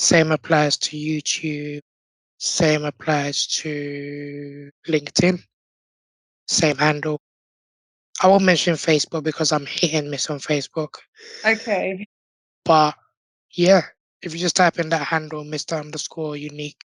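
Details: Tracheostomy voice in an adult man born six months premature with undeveloped airways. He had emergency surgery at birth, spent two years in an incubator and has lived with a tracheostomy since; prematurity heavily impacted his vocal cords.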